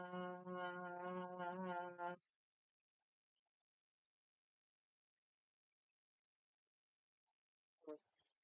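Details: Sustained 'ah' held as long as possible and timed during vocal quality testing in a bedside swallow evaluation; the overall evaluation was normal; finding: sustained phonation (maximum phonation time).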